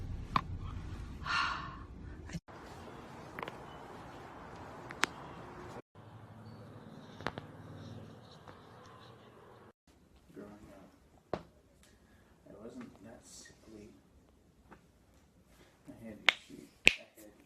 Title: Girls cracking neck